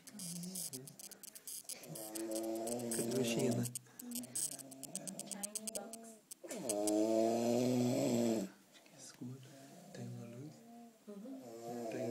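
Long, whistling, tonal snores on slow breaths, with quieter breathing between them. Snoring with a whistling, wheezy quality.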